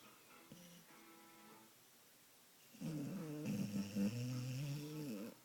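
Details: Napping dog: soft whistling nasal sounds, then a louder rough snore; ordinary sleep snoring.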